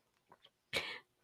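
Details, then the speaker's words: Two faint sniffs, then one loud, harsh nasal snort from a dog; the vet described it as a spasm, with the dog still breathing normally; reverse sneezing. "they said um they caught a reverse sneeze and he done it there and they told me it's um not really um he's not really he's still breathing and everything it's some kind of a spasm"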